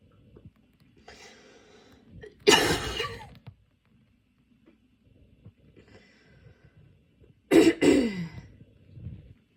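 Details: Two harsh, throaty coughing bursts in a quiet room from a person with a common cold, runny and blocked nose, and painful lungs; the fit came on during aroma/incense inhalation.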